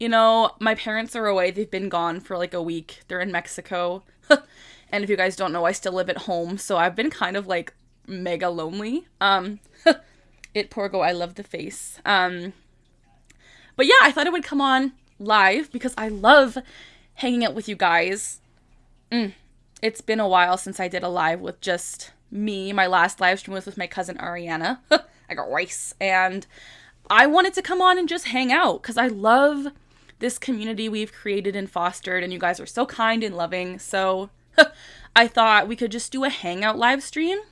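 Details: 25-year-old woman with Tourette syndrome, tics since about age 3, diagnosed at 12; repeated vocal tic phrase said aloud mid-sentence; vocal tic (Tourette syndrome).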